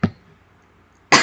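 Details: Two short, sharp dry cough bursts about a second apart in a quiet room, from an adult who is unwell with a sore throat and coughing throughout a recording; cough.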